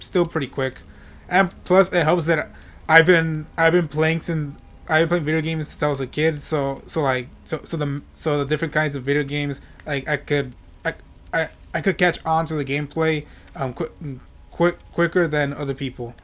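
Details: Adult male with self-reported stuttering, which he says is how he always talks; word and part-word repetitions: stuttering.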